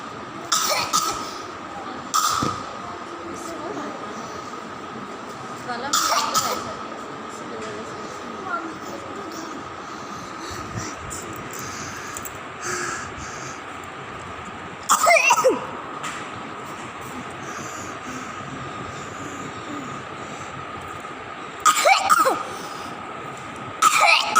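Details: Infant girl coughing for one month despite medication, ECHO, chest and throat X-ray and blood tests without diagnosis: about six short, separate coughs over a steady background hum; persistent cough.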